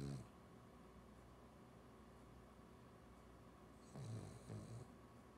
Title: Ozzie Snoring